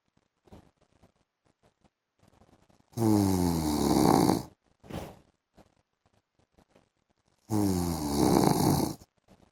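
Two loud, rough, rattling snores on in-breaths about five seconds apart, with a softer noise between them and quiet room sounds. Ordinary heavy snoring.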